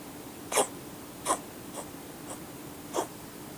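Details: Siamese cat on top of a fan heater, sticking out its tongue: five short, dry, huffing coughs at irregular intervals, three louder than the others, an unusual cough.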